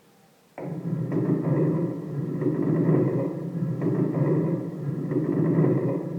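Simulated chest sounds with a coarse, creaking, grating noise through the breathing cycle: a pleural friction rub.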